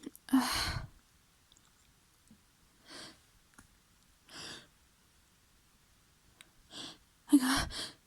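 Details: Two forceful wet sneezes, the second a quick double burst, with soft sniffs and breaths between them in a quiet room; messy sneezing from a tickly nose.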